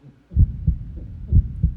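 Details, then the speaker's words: Two clear lub-dub pairs of low thumps at about 63 beats a minute; normal heart sounds. "the sounds that the heart makes is very important because it lets you know um what's normal versus what's not normal"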